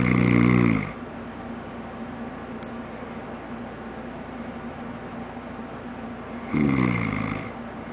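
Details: Adult man: two loud, buzzing inhaled snores about six seconds apart with a quiet pause between; snoring.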